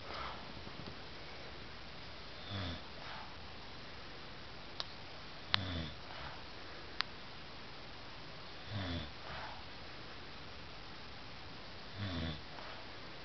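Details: Faint, low rumbling snores every few seconds from a sleeping man, recorded by someone who says his snoring keeps them awake; quiet room noise and a few clicks.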